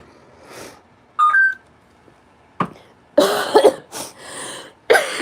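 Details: Several loud, wet, productive coughs with mucus and throat clearing in a quiet room from an adult sick for over a week with a respiratory illness (bronchitis mentioned), recently started on an antibiotic and a steroid.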